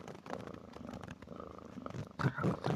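A cat's soft, rough, rumbling snore, growing louder near the end of the clip.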